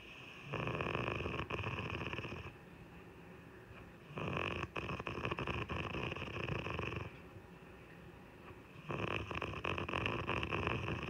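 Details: Adult woman snoring while asleep: loud, rough snores about two seconds each, three breaths in eleven seconds with quiet pauses between; heavy snoring.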